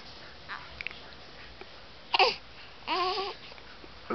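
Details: A baby girl with hiccups gives two brief, fussy infant cries with a catch in them, in a quiet room: an unsettled baby who dislikes her hiccups.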